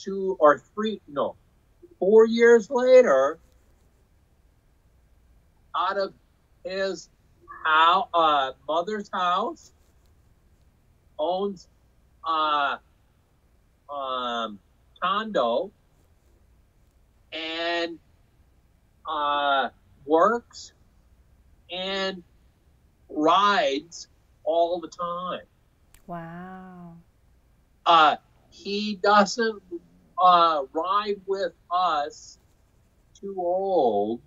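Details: Aphasia in a man after a stroke in 2005 caused by hereditary hemorrhagic telangiectasia (HHT); told he would never talk again, he says he had or still has aphasia, talking being his hardest recovery area.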